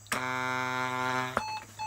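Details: Weinmann Medumat portable ambulance ventilator being demonstrated while a setting is selected: a steady electronic alert beep lasting just over a second, then quieter device tones.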